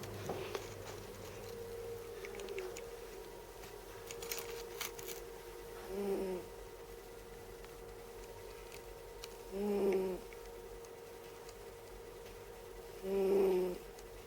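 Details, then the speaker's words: A sleeping female cat snores in soft, buzzing breaths at about 17 a minute, over a steady room hum. "hello Hammerheads before we go any further listen to my cat snoring"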